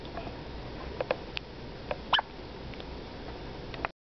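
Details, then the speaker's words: Hiccups in a baby: several small, sharp, squeaky catches like a little chipmunk over a quiet background. "Oh, hiccup. Sound like a little chipmunk, don't ya?"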